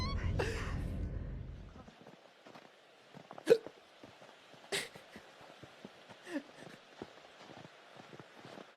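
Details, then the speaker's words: Person hiccuping while talking on a live stream: a brief low sound, then several sharp, abrupt vocal catches about a second apart. "sorry i have hiccups right now oh my god sorry to kick you out like all right coming after you just stay put"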